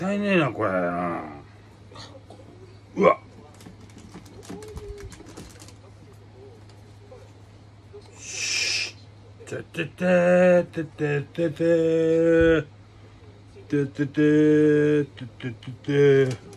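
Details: Aphasia in a man with hemiplegia and paralysis after a brain hemorrhage; repeated syllables.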